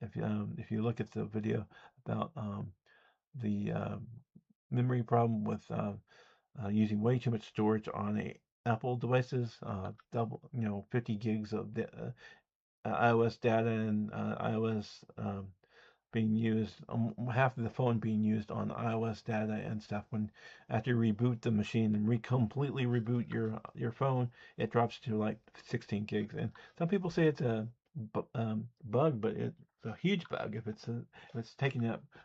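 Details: Adult man who says he has an audible speech impediment, with disfluent speech; speech impediment.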